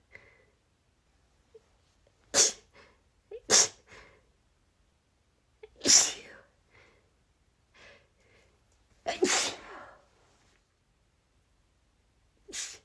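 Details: Adult female: five sharp sneezes in quick succession, each preceded by a short catch of breath, after stifled sneezes; rapid sneezing fit.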